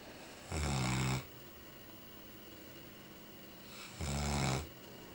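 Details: Newfoundland dog asleep on a Chesterfield sofa, snoring loudly: two loud, low, rattling snores about three seconds apart with quiet breathing between; snoring.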